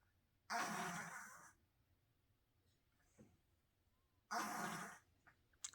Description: Senior feral cat Crumbs has been living with cancer for years, and sometimes she makes gasping and snorting sounds when she breathes.